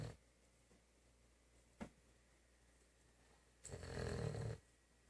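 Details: Sleeping German Shepherd dog snoring: low, rumbling snore on the in-breath, with a soft snuffle between breaths.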